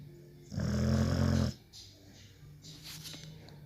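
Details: Sleeping pit bull/American Staffordshire terrier: one loud, rough, low snore lasting about a second, then a quieter breath; snoring.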